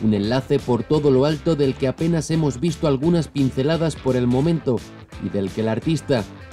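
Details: Adult narrator speaking Spanish; Normal speech.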